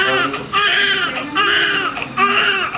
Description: Cute newborn baby in the first cry immediately after birth in the hospital 😍